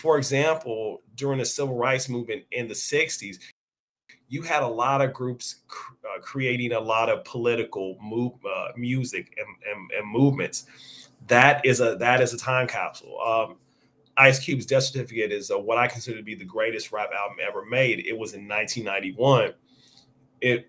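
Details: Stuttering in an adult man with onset at age five or six, persisting and audible over extended conversation; this stretch has word and phrase repetitions; real speaker; finding: stuttering.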